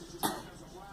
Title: Girl coughing